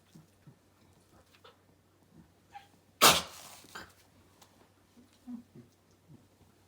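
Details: Coughing in Komugi, a 1-year-9-month-old female red Akita dog, which frightens another Akita into seeking refuge on her owner's lap.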